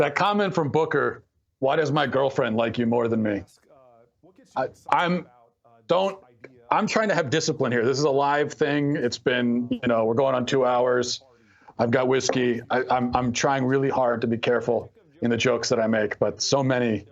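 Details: Adult man speaking; ordinary speech.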